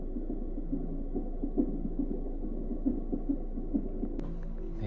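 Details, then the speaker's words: Fetal heart monitoring at 12:15 am during a medicated induction of labor. The baby is moving, so the heartbeat takes time to find. Soft, rapid whooshing fetal heartbeat at about 140 per minute, in the normal range. "Heart भी ढूंढने में भी थोड़ा time लग जाता है तो अभी रात के 12:15 बजे भी वो टेस्ट हो रहा है"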